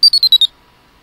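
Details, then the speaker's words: EDA/GSR (galvanic skin response) biofeedback monitor measuring the hand, in sound mode: five quick high beeps stepping down in pitch; a falling tone signals relaxation over the previous three seconds. "in sound mode if a falling pitch sound is made this indicates that in the previous three seconds you have relaxed"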